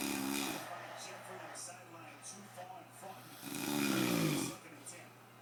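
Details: Two loud, rough, buzzing breath sounds separated by quieter noisy breathing; snoring during sleep.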